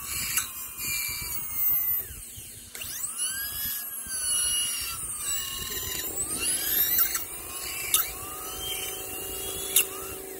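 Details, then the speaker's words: High-pitched whine of a dental drill with a round bur, rising and falling in pitch as it cuts, with short clicks. It is starting an MOD Class II prep on a phantom-head mandibular left first molar (tooth 19). "So let's begin with the round burr. I like to initiate my prep with the round burr."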